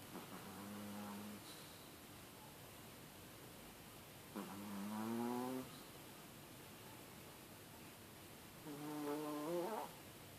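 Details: Sleeping Chihuahua snoring: three slow, drawn-out snoring breaths with a buzzing, rising tone, about 14 a minute, over steady room hiss.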